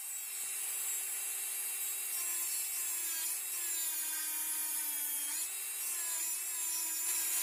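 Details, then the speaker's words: Simulated preparation of mandibular first molar (FDI #36) on a typodont for full veneer crown: steady high-pitched high-speed handpiece whine briefly dipping as bur cuts, reducing occlusal half of buccal surface with slight lingual tilt. "So now let us reduce the surface. I'm reducing the occlusal half first, and the handpiece has to be slightly oriented with a slight lingual tilt."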